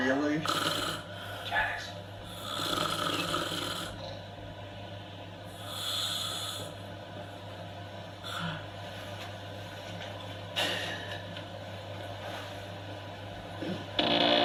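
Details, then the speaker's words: A woman snoring loudly during sleep at night, likened to a seal: rough, snorting snores on the breaths over steady room noise with brief sounds between. "who snoring is the mere topic of conversation throughout the house that was probably the worst F we ever was some crazy stuff last night oh my God it was like a seil there were many animals coming out last [Music] night"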